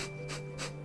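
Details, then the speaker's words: Person with Tourette's syndrome, officially diagnosed, shows one of their nose tics: two quick, forceful puffs of air breathed out through the nose over a steady background hum; a phonic tic. "i also have a tick with my nose which is a very annoying one and, there's two actually, i usually breathe out air through my nose like"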